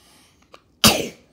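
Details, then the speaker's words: Brief quiet intake then a single sharp, explosive sneeze fading quickly, from a speaker who says they are sick and their throat sounds weird. "Sorry, I just got it because it hasn't got really well. As you can hear my throat just sounds so weird."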